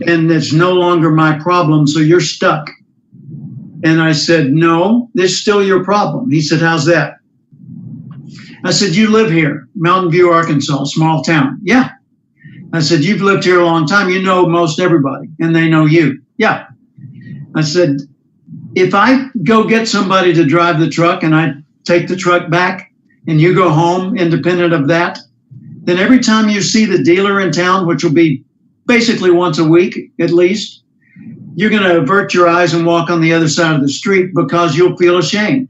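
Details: Adult man speaking; normal speech.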